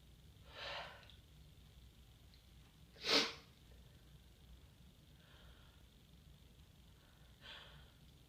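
Three sharp, airy bursts a few seconds apart in a quiet room, the middle one strongest: a short run of sneezes.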